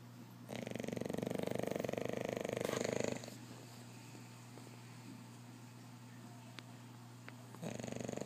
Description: Beast snoring away.